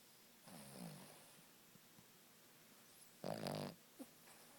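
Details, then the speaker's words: Sleeping dog snoring: two snoring breaths, a softer one then a loud rattly one, with a brief snort after, in a quiet room. "it's official my dog's a storm monster she is she's a stor monster that's the end of our snorm monster story until next time jooy a wild America"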